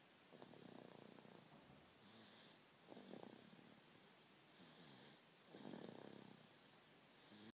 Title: Snoring baby